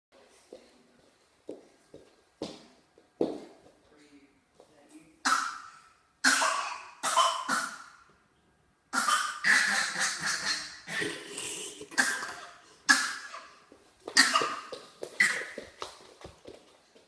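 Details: A 10-month-old infant girl gives a string of short, deliberate coughs on request, a playful imitated cough rather than illness.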